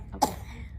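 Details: A single short, sharp cough from a young child, unwell at the time, who choked on drinking water, in a quiet indoor room.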